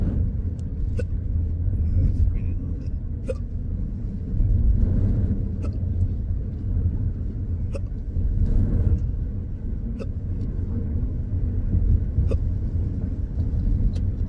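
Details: Repeated sharp hiccup sounds at about ten a minute over steady rumble; intractable hiccups in an adult with a long-standing debilitating condition.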